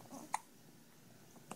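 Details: Hiccups: a single sharp, brief hiccup in a quiet room, with a fainter second one at the end.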